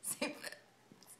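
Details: A single sharp, abrupt voiced hiccup, then faint breathy sounds, in an adult woman with very painful hiccups while a friend tries to help her get rid of them.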